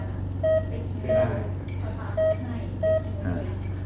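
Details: Four short steady beeps about once a second over constant machine hum: SOS emergency alarm on a Keyhub 5-litre home oxygen concentrator, triggered during a demonstration of its functions.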